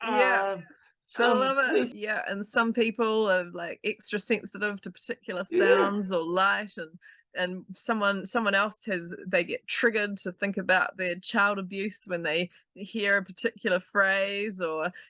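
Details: Adult speaker; typical speech.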